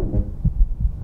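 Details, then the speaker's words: Adult male with congestive heart failure and increased shortness of breath, heart auscultated via handheld telehealth remote stethoscope at upper sternal border: muffled low-pitched heart sounds with extra early-diastolic sound. Finding: S3 gallop. "okay that's good he's got an s3 gallop"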